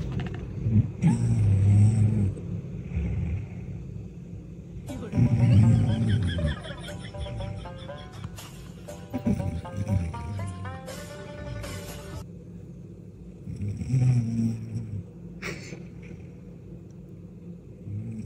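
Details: Wife snoring while asleep: loud, deep rumbling snores recur about every four seconds, partly masked by playful background music.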